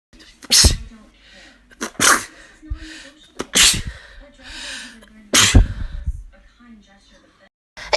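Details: Four loud, explosive sneezes from different people in a comedy compilation, with brief voices and laughter in between; sneeze.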